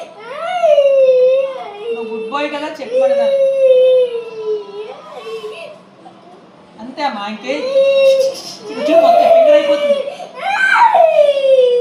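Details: Young boy crying during a blood test: loud sobbing bursts while adults talk soothingly nearby in Telugu; distressed child crying.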